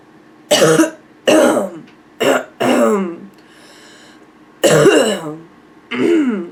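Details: Female with nonstop barking cough: six harsh, hoarse, bark-like coughs in quick succession, with some throat clearing near the end.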